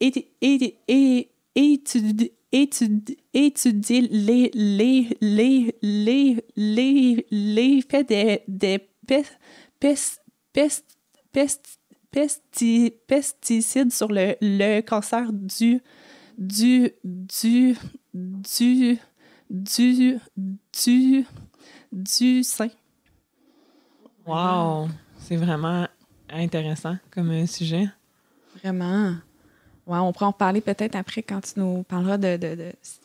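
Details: Adult French-speaking woman who has stuttered since age 6 and had about four or five speech therapy courses in primary school, secondary school and university; stuttering.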